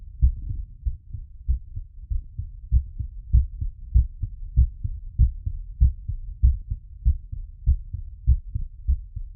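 Steady, low-pitched lub-dub heart sounds come through a stethoscope at about 97 beats a minute with a regular rhythm. The mildly raised rate fits the heart slowing back down after exercise, a normal physiological finding.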